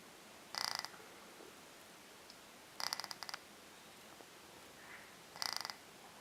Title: Snoring